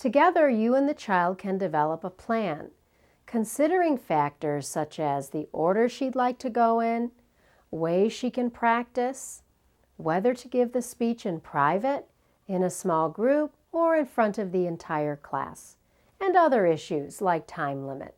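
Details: Adult female narrator; normal speech.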